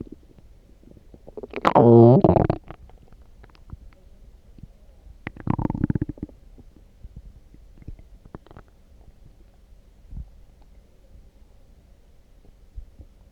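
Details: Stomach growling after drinking coffee: one loud, long gurgling growl, then a softer rumble and faint bubbling, normal borborygmi.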